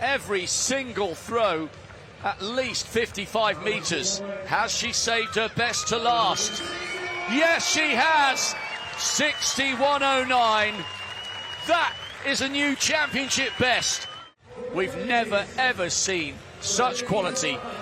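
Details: Adult sports commentator; normal voice.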